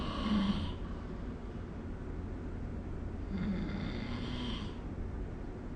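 Two soft, rasping snores on breaths in, several seconds apart, against steady low room noise.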